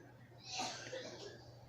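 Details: A single short, harsh adult cough bursts out during a spoken-word poetry performance over quiet room noise, followed by faint breathy sounds.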